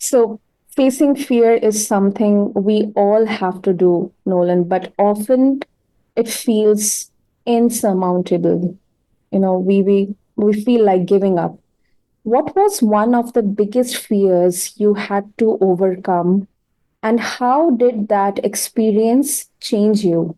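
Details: Adult speaker, likely female; normal speech.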